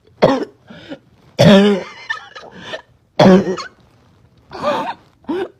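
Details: Girl with a barking cough she couldn't stop: repeated harsh, hoarse, barking coughs in bursts with gasping breaths between, plus choking and gagging.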